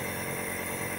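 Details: BPL compressor nebulizer with mask, demonstrated for child nebulization: steady loud mechanical buzz and hum of the compressor running continuously.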